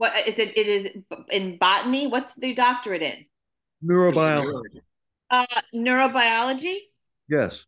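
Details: Adult speakers in conversation; typical speech.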